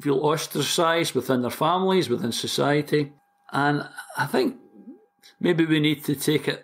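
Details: Stuttering (stammering) in a 60-year-old man from Glasgow, Scotland, who has stammered since about age four, for as long as he can remember.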